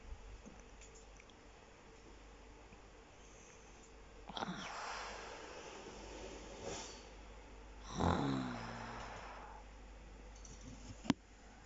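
Quiet room noise with a few snorting, grunting breaths, one loud rattling snore near the end of the stretch; snoring.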